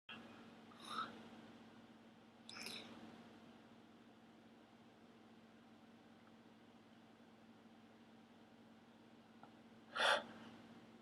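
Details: Long sneeze build-up in a person with allergies who has had slow sneezes since age 5: two brief catching in-breaths, a long pause, then a sharp sneeze burst.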